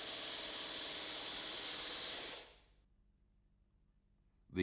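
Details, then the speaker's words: Rapid buzzing hammering of the pneumatic Air Pulse driver that stops abruptly, then quiet, as an unreamed femoral nail is slowly advanced into the medullary canal. "the ufn is then slowly advanced into the medullary canal with the air pulse"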